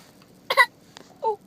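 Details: Hiccups: brief, abrupt, gulp-like voiced catches in a quiet room.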